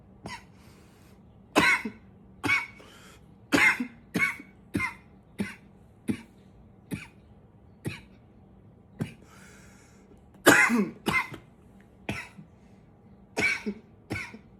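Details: Coughing a bit: about twenty sharp, short coughs, single and in quick pairs, irregularly spaced in a quiet room; repeated dry-sounding coughing.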